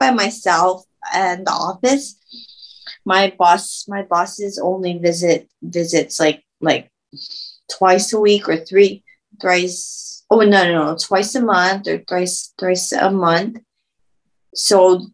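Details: Woman who had a stroke at age 24, about 10 years earlier, speaking with self-corrections; aphasia.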